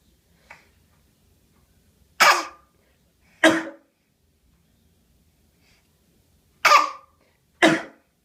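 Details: Infant girl's voluntary fake cough: four short, deliberate forced coughs with a small sound before them. She strains hard to push them out, playfully, not from illness.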